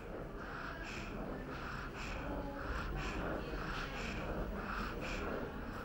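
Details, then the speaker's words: Child assessed for cough and difficult breathing in WHO IMCI training: rapid, noisy breaths with a whistling, musical sound on breathing out, an expiratory wheeze, not stridor. "or you may hear other noises when the child breathes out such as wheezing"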